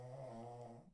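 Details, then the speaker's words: Low, steady, humming snore from a sleeping female dog in a quiet room. "my dog snoring I'll get the camera up and running um and I can put it on her you guys can see her snoring if that's something that excites you"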